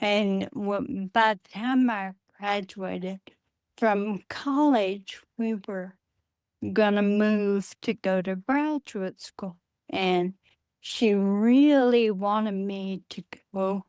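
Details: Adult woman with Friedreich's ataxia, a rare progressive neurodegenerative disease diagnosed at age 23, which she says affects her speech and can cause speech and swallowing difficulty; she uses a wheelchair. Finding: ataxic dysarthria.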